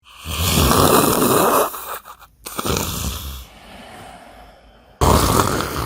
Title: When Your Friend Snores ALL NIGHT LONG #shorts